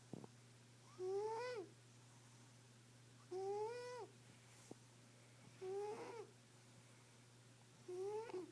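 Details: Soft, rising whistling snore on each breath in, about 26 breaths a minute, from a sleeping cat that the owner says is fine; steady room hum. Snoring.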